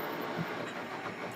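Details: Philips Cough Assist T70 mechanical insufflation-exsufflation (cough assist) machine running: steady mechanical whooshing and motor rumble, with no separate breath or cough sounds; mechanical insufflation-exsufflation device running.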